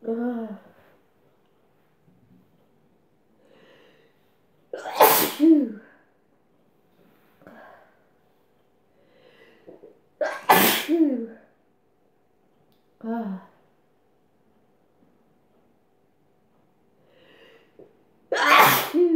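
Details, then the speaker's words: Three loud sneezes, each led by a gasping in-breath and followed by groans and sniffs, induced by inhaling chhinkni that went to the back of the throat and made the nose run; repeated induced sneezing. "Wow. God, it makes your nose run. Sorry, itchy here. Wow. Okay, I'm not getting any sneezes. I might sneeze again."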